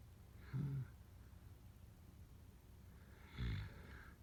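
Two short, low, rattling snores about three seconds apart during sleep, with quiet room noise between them.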